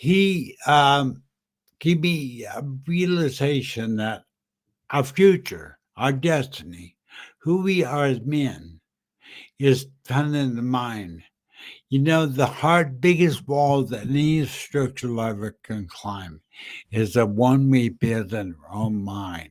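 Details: Adult man with dysarthria after a stroke in September 2015; the stroke also caused aphasia and short-term memory loss. He reports that he speaks funny and that people think he is drunk.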